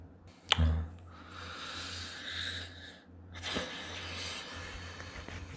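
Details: A single sharp, sudden sneeze from an adult, followed by breathy room noise over a low steady hum.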